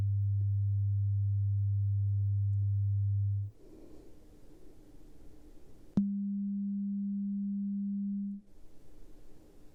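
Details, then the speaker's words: Role-played ASMR hearing exam with headphones, a beep test where the patient raises a hand on hearing each tone: two steady pure tones, a low hum then a slightly higher one, with quiet gaps; pure-tone audiometry. "All right, so next we have some headphones and we're going to put them on and we have a beep test. Okay. So, this beep test, there's two different types. So, we have a um every time you hear it, you'll raise your hand."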